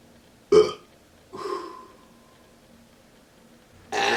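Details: A man burping deliberately on command for an audition: two voiced belches in quick succession, the second longer and drawn out, then a brief noise burst.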